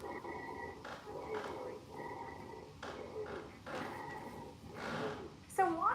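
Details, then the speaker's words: Teaching sample of wheezes: repeated high, musical whistling over breathing, from air squeezed through narrowed airways, as in asthma, COPD or lung infection. "so as air is squeezed through those Airways it creates this squeaky musical whistling sound and it can occur in cases of asthma COPD or any type of lung infection that narrows those Airways lik"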